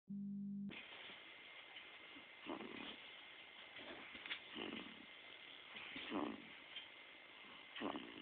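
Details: Snoring: soft, irregular snorting breath sounds recurring every second or so over a steady background hiss.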